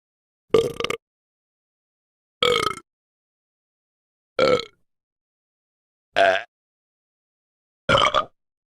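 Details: Burping sound effects; five short, separate voiced belches with silence between.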